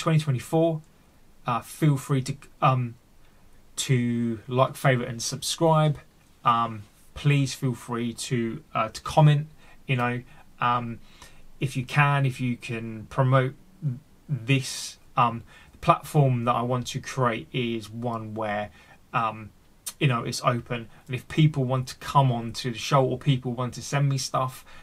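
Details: Adult male with a daily stammer that he says has affected his mental health and held him back, recorded unedited; word and phrase repetitions; finding: stuttering (stammering).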